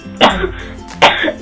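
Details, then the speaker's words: A patient says she has been coughing all day in an acted doctor-visit skit; simulated cough. "coughing I've been coughing all day"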